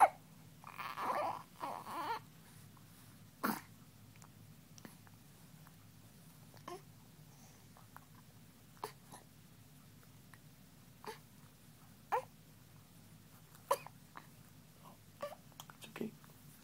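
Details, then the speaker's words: Baby girl with hiccups just after feeding, lying on a bed with her father and possibly about to burp: soft, brief hiccups recurring every one to two seconds after early fussing. "She just ate, and she's got the hiccups. So chances are she may burp up something pretty soon."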